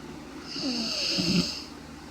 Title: The snoring